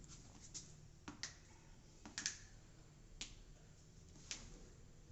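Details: Woman with low back pain for many years, unrelieved by medicine, during chiropractic back treatment after deep-breathing instructions: several faint, sharp clicks and pops, joint cavitation during spinal manipulation.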